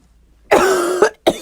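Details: Woman laughing very hard at TikToks: a drawn-out voiced strained sound followed by two sharp cough bursts, a brief coughing fit.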